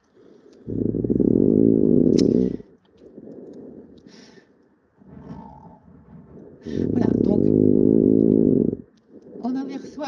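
Two loud, rumbling inspiratory snores about six seconds apart, with quieter expirations between where faint heart sounds emerge near the end: inspiratory snoring.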